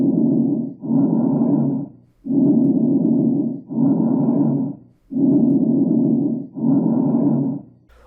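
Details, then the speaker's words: Loud, hollow, blowing breath sound with equal inspiration and expiration and a short pause: bronchial breath sound. "a permanência desse som e áreas mais periféricas é caracterizada como sopro bronco e pode estar associada a condensação de parentes ou a telectasias e caverna superficiais"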